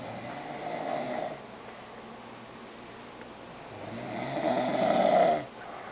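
Two rough, rattling snores on the in-breath with a quiet pause between them: ordinary snoring during sleep.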